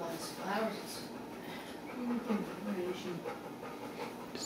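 Quick, rhythmic panting breaths from a dog, with faint whimpers and room noise.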